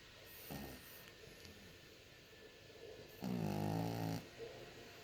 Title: Pug horlaması - pug snoring -